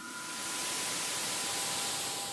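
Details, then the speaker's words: Simulated noise-type tinnitus, meaning sound heard without an external source: a steady hissing noise with faint thin tones. "it's called tinnitus the experience of hearing sounds that don't have an external source one in ten of us have it one in a hundred are seriously affected by it"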